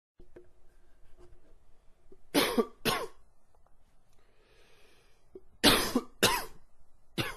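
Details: Adult with a wheezy cough attributed to changing weather and spring pollen: five harsh coughs in clusters of two and three with a faint breathy hiss between.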